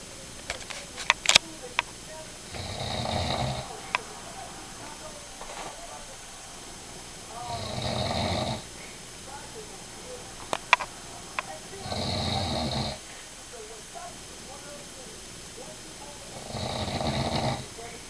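Loud rough snores on each breath in, about 13 a minute, with quiet gaps between: ordinary heavy snoring during sleep.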